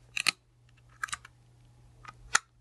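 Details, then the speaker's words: Handihaler dry powder inhaler demonstration with an adult female patient (COPD education): the green button is pushed to pierce the medication capsule, giving sharp plastic clicks. "Now you need to pierce the capsule so the medication can come out, so you take the green button, and you"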